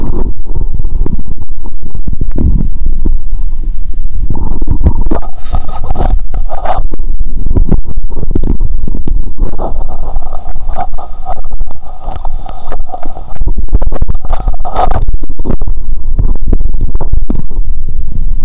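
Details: Adult's own abdomen through a stethoscope after cola and Mentos, feeling full, then severe bloating and stomach pain: loud, continuous low gurgling and rumbling with bursts of bubbling; active bowel sounds.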